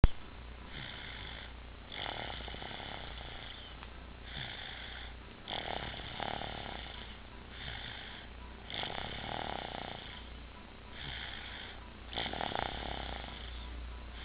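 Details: Regular rasping snores on each breath, about 15 breaths a minute, over a low room hum; snoring.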